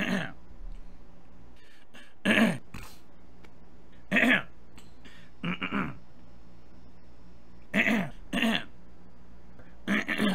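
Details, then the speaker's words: Throat clearing from an adult who attributes it to allergies, with no throat pain: repeated harsh throat-clearing bursts, about seven in ten seconds, some in quick pairs, with quiet between them. "by the way I'm sorry about my throat like I said I'm my stupid Allergies have been bothering me I do get heated my throat is sounding a little strange today it doesn't hurt but I think it's because of allergies"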